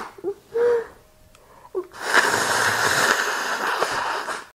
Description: Some messy, snotty sneezing into a tissue.